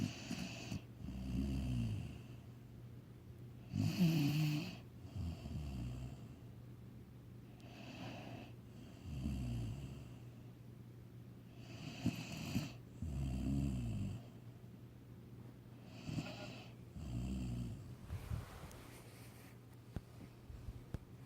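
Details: Snoring: repeated low, rumbling snores about every 2–4 seconds, steady through the recording.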